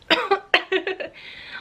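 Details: An adult coughs while smoking a cigarette, the throat getting raspy after a big drag: a quick run of four or five harsh, dry, raspy coughs, then a breathy exhale.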